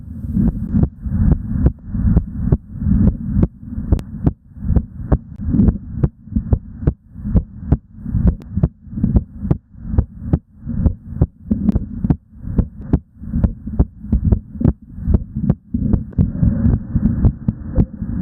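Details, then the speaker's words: Live stethoscope recording of a heart during exercise, faster than at rest: fast, regular lub-dub with crisp first and second sounds and no murmur; normal heart sounds with exercise tachycardia. "that was the hot sound during exercise so you can tell that those that hot Sun was a lot faster then till you're resting hot Sun"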